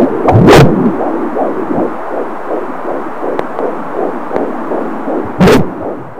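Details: A fetal heartbeat at 18 weeks' gestation on an Angel Sounds fetal Doppler: a rapid, regular, galloping whoosh at roughly 150 beats a minute.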